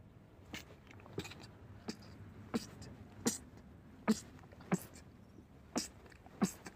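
About nine sharp, explosive bursts in quick succession, each a sudden blast of air: a rapid run of sneezes.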